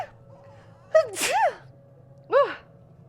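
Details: Female streamer sneezing several times in rapid succession, each a quick voiced, sharp burst with a short breathy intake before it; repeated sneezing.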